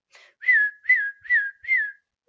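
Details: Woman with tics: a whistle tic occurring in a cluster with a hum and the word tic 'mangoes'; whistling vocal tic.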